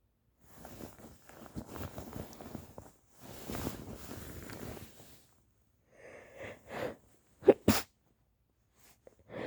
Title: Stuffy cold sneezes